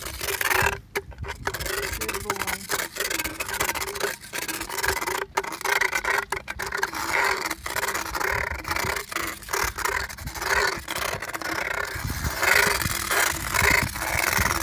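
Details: Motorized power float filing sharp enamel points on a 15-plus-year-old mule's cheek teeth: continuous rasping, grinding hum with scraping bursts; equine dental power float.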